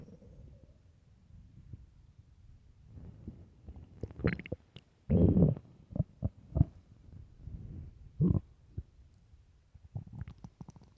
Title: best loud empty hungry stomach growls